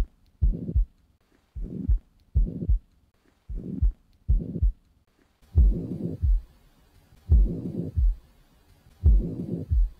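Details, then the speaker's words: Teaching example of a systolic ejection murmur: low heart sounds with a soft rushing noise filling the gap between lub (S1) and dub (S2), which marks it as systolic. "remember inside of that it is a systolic murmur outside of that diastolic murmur"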